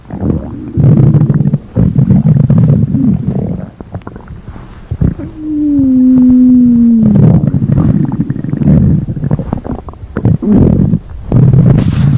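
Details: Loud, low gurgling and rumbling with a drawn-out squeal in the middle; stomach growling (borborygmi).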